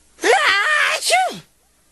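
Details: Animated cartoon, not real: Sonic's acted sneezing fit, a drawn-out voiced intake then a sharp voiced burst; a sneeze.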